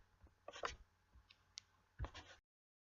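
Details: Sea lion sneezing: a few short, explosive snorting bursts over a quiet background.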